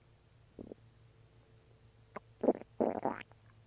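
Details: Stomach growling while eating and drinking water: several short gurgling rumbles and a longer bubbling growl against a quiet background hum; borborygmi.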